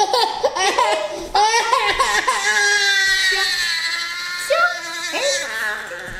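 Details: Loud, high-pitched, vigorous wailing from a sick, teething baby boy (69 cm, 9.2 kg) in a small room at a doctor's visit for his annual vaccination; infant crying.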